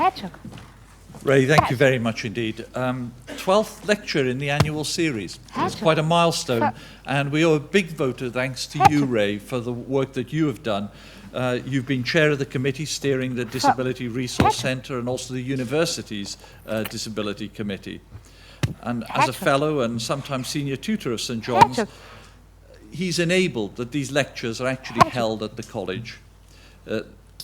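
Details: Adult male speaker; normal speech.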